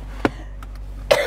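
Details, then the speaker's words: Woman with cystic fibrosis whose lungs are still troubling her, coughing on the way home by car after shopping: two short, sharp cough bursts over a quiet background. "we made it here but much coughing between the car and I think I cough the entire way and then I realized the person in like a few people in front of us were smoking so I was like trying to breathe through my coughing and I'm breathing in Smoke"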